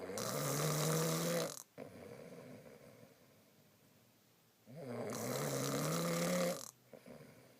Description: Husband snoring